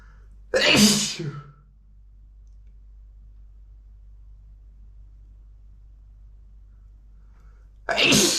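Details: Two forceful, explosive sneezes several seconds apart, sprayed onto a mirror, with quiet between; ordinary sneezing.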